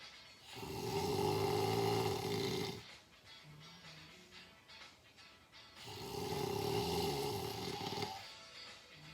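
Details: Two long, loud, rattling snoring breaths in about nine seconds, each followed by a quieter pause; snoring.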